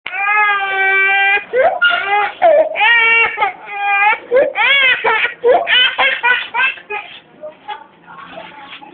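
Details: Baby crying in strong, clear wails with broken sobbing breaths between them, fading to whimpers; ordinary infant crying.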